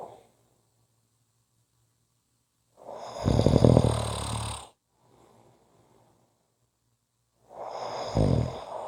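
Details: Snoring audio clip: two loud, rough, fluttering snores, each lasting about two seconds, separated by quiet pauses; typical snoring.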